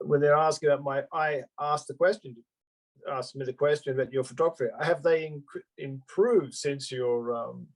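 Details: Adult male stroke survivor with post-stroke aphasia, speaking spontaneously. Finding: aphasia.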